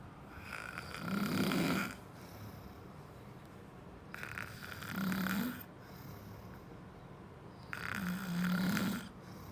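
Three rough, rattling snores on the in-breath, evenly spaced at about 17 breaths a minute, with quiet pauses between them.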